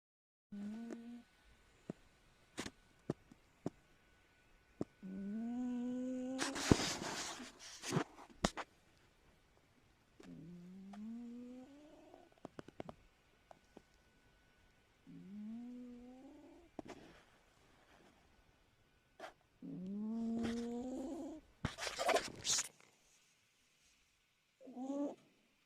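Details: A sleeping rescue cat snores with high, whistling, rising-pitched sounds about every five seconds: snoring.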